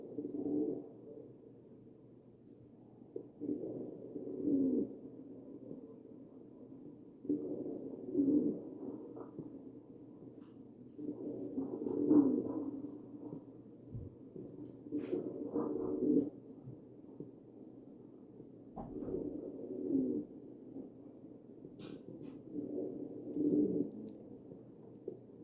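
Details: Low-pitched musical wheezes with each ventilator breath, about 16 a minute, over the chest; wheezing from narrowed airways.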